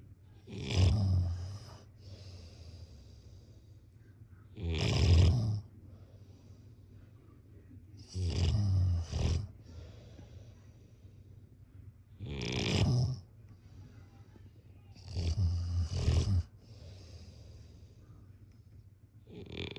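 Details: Heavy snoring in sleep: deep, rumbling snores about every 3.5 to 4 seconds, around 16 a minute, with quiet breathing between.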